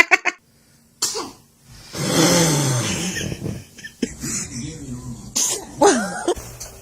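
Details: Several short, sharp sneezes from children with a throat-clearing burst and brief vocal sound between; funny children's sneezing.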